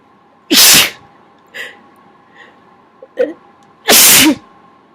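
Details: Sneezing triggered by tickling the nose with a q-tip: two loud explosive sneezes with small breathy sounds between them, in a quiet room.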